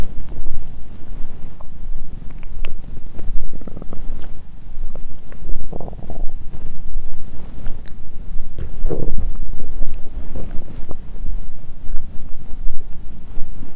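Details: Loud, continuous deep rumbling and gurgling close to the microphone from an adult lying on the side after a 22-hour fast, heavy Christmas dinner and wine, drunk and nauseous; active normal bowel sounds.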